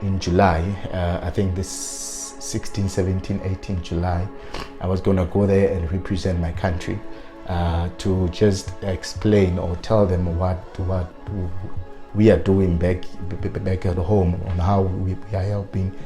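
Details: Adult man who has stuttered since his student days and now uses fluency techniques, so his stutter may be mild or well controlled here; stuttering.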